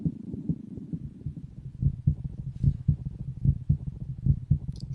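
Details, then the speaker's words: Patient's heartbeat recording for a heartbeat music project: steady lub-dub at about 75 beats a minute; normal heart sounds. "so you'll hear here all four heartbeats in that order and then all four heartbeats beating together at the same time and then you'll hear the acoustic guitar version of the Tom Petty song come in so so here's the patient's heartbeat"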